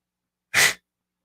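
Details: A single sharp, explosive sneeze lasting about a quarter second, with a brief burst of air, from a person who says he is still sick.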